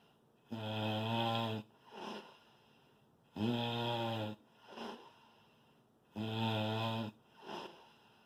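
Loud, regular, deep rattling snores on each in-breath, with a softer out-breath between, about 22 breaths a minute: heavy snoring.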